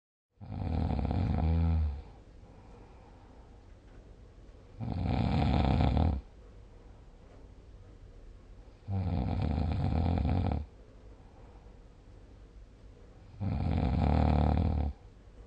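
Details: Snoring recording dated 6 July 2020 with a snore score of 77: four loud, low, rattling snores, each about 1.5 seconds, roughly every four seconds (about 15 a minute), with quiet breathing between.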